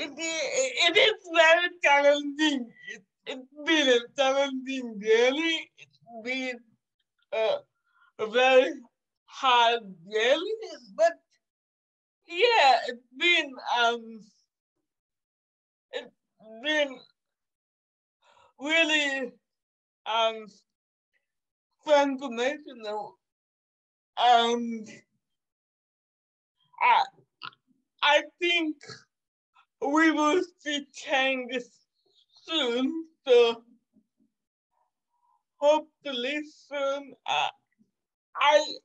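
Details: Dysarthria from cerebral palsy caused by severe neonatal jaundice, in a 27-year-old woman who, as a child, was expected never to walk or talk.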